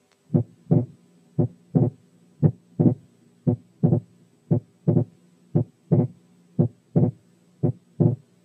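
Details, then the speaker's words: Wide persistent splitting of the second heart sound in right bundle branch block: regular rhythm near 57/min, S2 split in both inspiration and expiration, varying narrow to wide; breath sounds removed by sound filters. "عيدوا الشريط تاني عشان تلاحظوا ان السبيتنج ساعات بيبقى نارو وساعات بيبقى وايد، انما موجود باستمرار، وده بيحصل في حالات الرايت باندل برانش بلوك."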